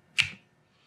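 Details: Chiropractic manipulation of a woman with tight traps, rhomboids, lower back and spine, working around the leg, hip and ankle; a single sharp pop as the joint releases; joint cavitation.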